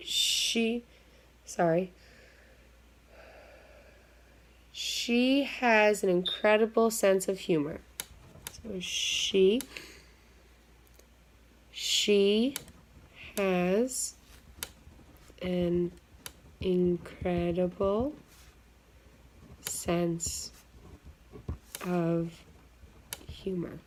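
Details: Simulated (acted) client in a stuttering modification therapy role-play, with repetitions and blocks while forming a sentence; stuttering.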